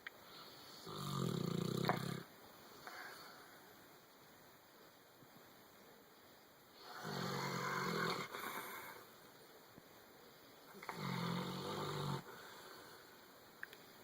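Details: Sleeper snoring while dreaming: three low, rough snores on the in-breaths, about 13 breaths a minute, with quiet breathing between; ordinary snoring.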